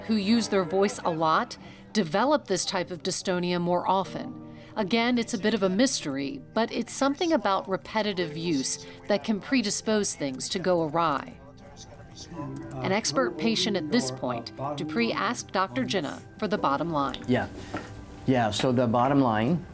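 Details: Adult female narrator; normal speech.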